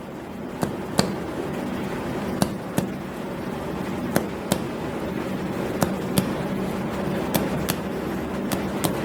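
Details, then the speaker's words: Abdominal exam teaching demonstration on a male patient: six paired percussion taps along the midclavicular line moving downward, the note changing from resonant to dull at the upper liver border to measure liver span; chest percussion, resonant to dull. "Dari yang awalnya suaranya sonor berubah menjadi reduk."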